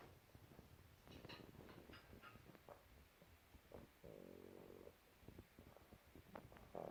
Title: Pug snoring soo tired